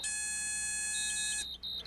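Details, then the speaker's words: Pneupac ventiPAC emergency/transport ventilator during a pre-use check, patient connection port briefly blocked with a thumb: a steady, shrill, continuous pneumatic high-inflation-pressure alarm sounds, then stops, with the high inflation indicator showing red. "then check that the peak inflation pressure reading on the manometer is appropriate for the patient also make sure the pneumatic audible alarm sounds and the high inflation indicator shows red"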